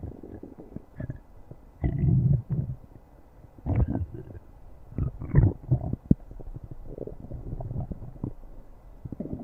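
Low rumbling gurgles in several bursts, the deep growls of a stomach; ordinary bowel sounds.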